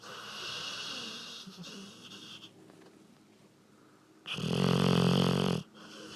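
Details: Sleeping dog snoring: a loud, rattling inward snore with a rough buzzing tone, after quieter breathing noise; heavy snoring.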